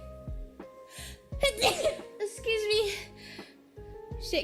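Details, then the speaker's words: Asian female streamer sneezing during gameplay: a few sharp, high-pitched, voiced sneeze bursts with gasps between, over background music and game sounds. "Yeah, I have to sneeze. [laughter] Excuse me. [laughter] Why do my sneezes sound like I'm saying I hate you?"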